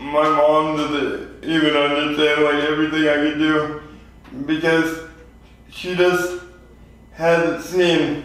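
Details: 24-year-old man with lifelong spastic quadriplegic cerebral palsy, born prematurely weighing 2 lb 4 oz; real patient; dysarthria (spastic, cerebral palsy).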